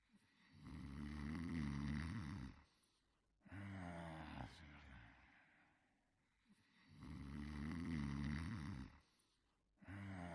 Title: Fafa the Explorer - A New Generation (1988-1989): Clifford Sleeping & Snoring in 50 Seconds